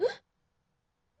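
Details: 16-year-old girl with Tourette syndrome; vocal tic she calls a "backwards hiccup", first noticed around end of 7th or 8th grade, initially monthly, now several times a day.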